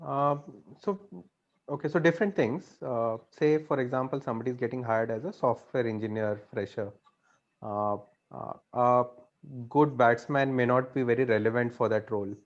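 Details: Adult man speaking; ordinary speech.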